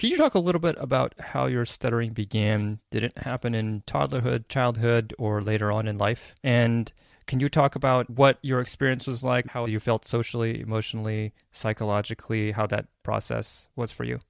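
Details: Adult male speaker; normal fluent speech.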